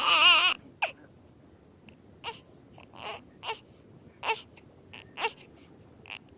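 One loud high-pitched infant cry, then a string of short sniffly whimpers and gasps; infant crying settling into whimpering.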